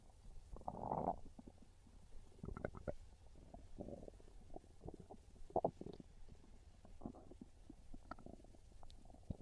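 Low gurgling rumbles and bubbling pops from the belly, hunger growls; normal bowel sounds.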